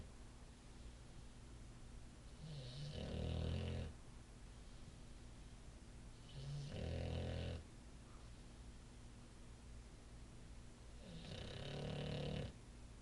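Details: Male Olde English Bulldogge asleep on his favorite couch, recorded on an iPhone: three slow, rattling snores at about 14 breaths a minute, with steady room hum; dog snoring.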